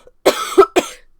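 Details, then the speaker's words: An adult woman with a lingering cold and a raspy voice gives a short burst of about three harsh coughs. "I am trying to get over a cold that just will not quit. Um, so I do apologize for the raspiness of my voice. I'm trying very, very hard not to cough on my video."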